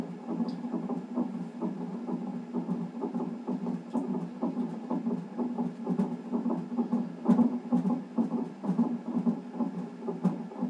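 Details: Fetal heartbeat on a non-stress test monitor in a pregnancy with polyhydramnios, reactive result: rapid, soft, whooshing pulsed beats at about 130 a minute.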